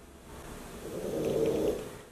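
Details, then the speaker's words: A sleeping French bulldog snoring loudly, likened to an old granny, while being filmed. "C'est notre chien, notre bulldog français qui dort et il ronfle comme une vieille mamie."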